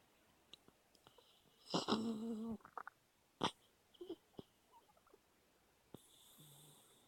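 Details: Dog sleeping and dreaming with eyes open: a few short snoring and whimpering breath sounds amid quiet room noise; snoring.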